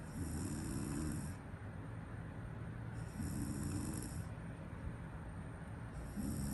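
Low, steady rumbling snores about every three seconds, roughly 20 breaths a minute, over a constant background hum; ordinary sleep snoring.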